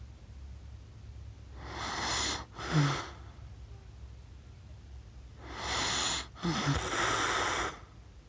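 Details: Adult accidentally recorded while asleep with cats, described as snoring funny: two noisy, rasping long rough inhalations with brief breaks against low room hum; snoring.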